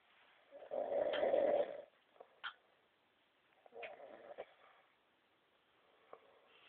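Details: Snoring rubber toy imitating snoring, used as a prank on a man who had fallen asleep about 30 seconds earlier; one loud rasping snore-like burst, then a softer one, with small squeaks between.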